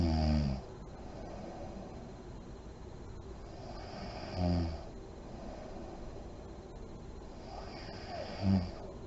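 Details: Sleeping mother in deep REM sleep, lights on: short, deep snorts at the start of breaths, about 15 a minute, with soft airy breathing between them.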